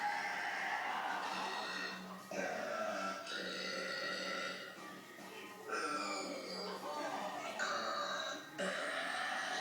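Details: Burping by girls: several long, loud voiced belches one after another, with background music.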